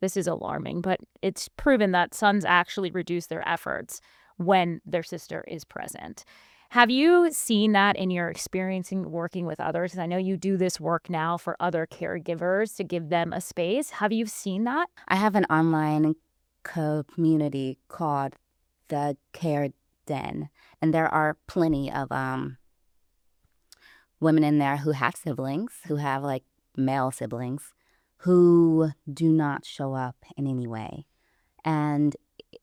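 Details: Adult woman, a caregiver, who self-identifies as a person who stutters, speaking in conversation; stuttering.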